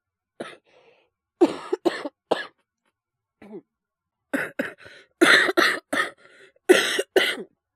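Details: Adult man, a Japanese VTuber with influenza, coughing while streaming: repeated harsh coughs in short clusters, about a dozen in under eight seconds.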